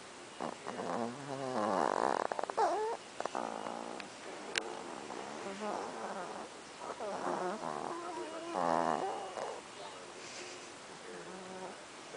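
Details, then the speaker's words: Small Chihuahua dogs asleep, recorded at night, making soft rattling, snuffling snores with low rumbling; they snore often and sometimes loudly, like a grown man. "Usually they're louder, but they snore a lot."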